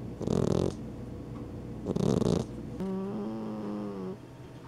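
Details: Snoring in sleeping flat-faced cats (an Exotic Shorthair and a Persian): two loud rattling snore bursts, then a softer tonal whistling breath.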